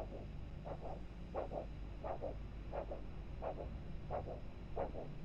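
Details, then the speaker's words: Vascular Doppler ultrasound demonstration of the foot pulse, a test used for type 2 diabetes: regular whooshing pulse beats over steady hiss, about 90 a minute. Described as a very good, strong pulsatile signal, normal. "is a very good pulsatile I'm not sure if you can hear it from there but what we usually try to listen for is how strong that pulse is and if there are any irregularities in its beats"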